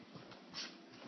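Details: Dog sneezing on command while sitting: a short, breathy, hissing single sneeze in a quiet indoor room.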